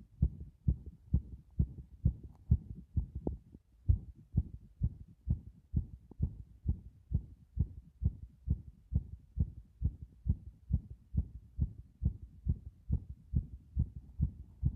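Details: Heart sounds recorded by pressing against the chest after a bath: regular, fast low thumps at roughly 130 per minute through the chest wall.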